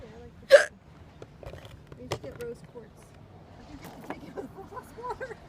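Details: A single sudden, sharp hiccup from a woman, followed by faint background talk and room noise.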